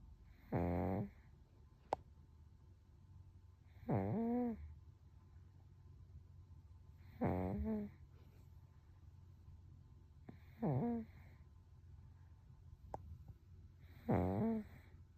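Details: Toddler aged 1 year 1 month in deep sleep: soft, voiced snores about every three seconds, around 18 a minute, in a quiet room; snoring.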